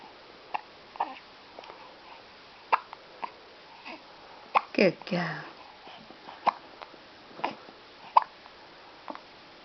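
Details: 2-week-old baby girl with hiccups after a feed: repeated small, abrupt hiccup sounds, roughly one to two a second, with soft baby noises and quiet room sound.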